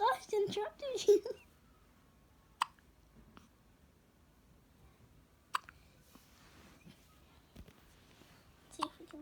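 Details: Brief talking, then short sharp hiccups spaced a few seconds apart, about three or four; hiccups.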